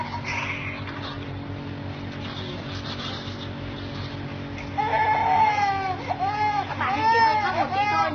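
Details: Electric nasal aspirator (Ozoline nebulizer-aspirator set) suctioning a young child's nose: steady motor hum, then bursts of crying as the second nostril is suctioned, clearing green and yellow mucus.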